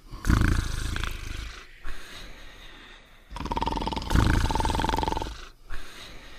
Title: Cartoon Dog and Potsworth Sleeping and Snoring Together